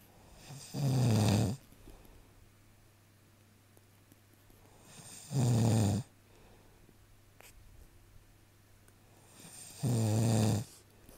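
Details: Australian husband snoring: three loud, harsh snores, each on an in-breath, at about 13 breaths a minute, with quiet pauses between; ordinary snoring.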